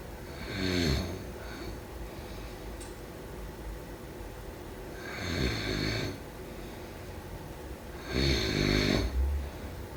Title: Snoring sounds…